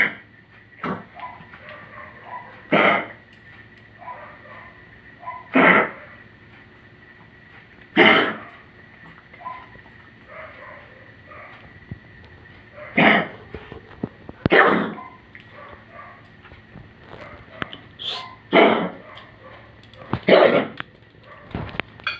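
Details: An old dog with congestive heart failure gives about nine harsh, dry coughs in short bouts: cough from congestive heart failure.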